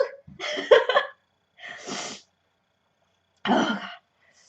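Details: Girl sneezing, possibly tagged for allergies or sinuses: a breathy catch, a short run of voiced bursts, then two more sharp expulsions, a bout of about three sneezes.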